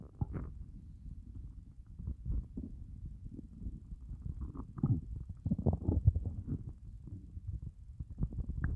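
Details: Stomach growling after fasting for well over 24 hours: low, irregular rumbling and gurgling gut sounds, continuous for several seconds; hunger borborygmi, a normal finding.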